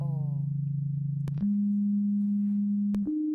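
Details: Hearing test tones, low frequency range: steady low pure tones stepping upward in pitch, the low end of a hearing test sweep played to demonstrate age-related high-frequency hearing loss.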